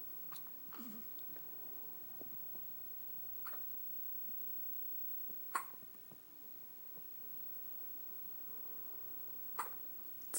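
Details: Short, sharp hiccups from a 2.5-week-old baby girl, about four in ten seconds, at an irregular pace.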